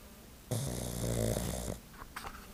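One loud, rattling, low snore on an in-breath from a sleeping small dog, with a snort after it.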